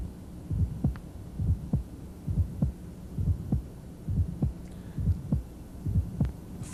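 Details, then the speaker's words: Ejection sound at the apex in left lateral decubitus, regular rate near 67/min: a sharp, discrete, high-frequency click just after the QRS, heard best with the diaphragm; its cadence is similar to an S4. "you'll note the cadence is very similar but it's a high frequency sound and if you watch the QRS the extra sound occurs after the curious"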